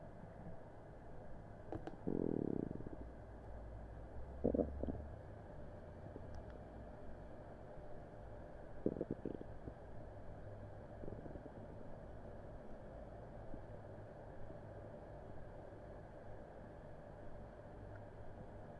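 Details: Upset stomach on Christmas Eve after an unremembered meal, recorded with a Blue Snowball Ice microphone: brief low gurgling rumbles over a steady background hum; active bowel sounds (borborygmi).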